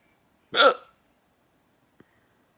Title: I have hiccups